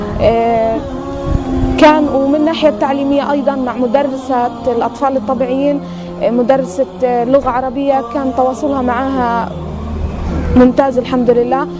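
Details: Adult woman speaking Arabic; typical adult speech.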